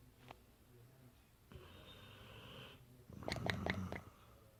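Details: Dogue de Bordeaux (French Mastiff) dog snoring while asleep: low rumbling breaths with loud fluttering flaps from loose cheeks on breathing out.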